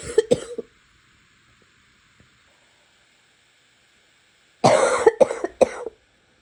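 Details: Two bouts of harsh coughing, two coughs then about four, separated by silence.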